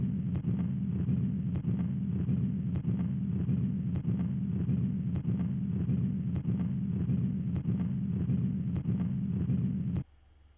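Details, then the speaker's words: Simulated continuous low rumbling machinery murmur through systole and diastole, drowning out S2, typical of patent ductus arteriosus. "The S2 heart sound is not heard, again, because the murmur is too loud and drowns it out. The murmur continues to rumble throughout diastole."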